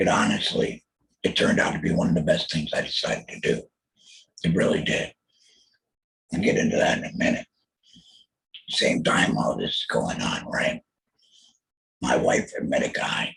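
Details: Alaryngeal speech from a laryngectomee after a total laryngectomy for throat cancer diagnosed in 2020, followed by chemotherapy and radiation.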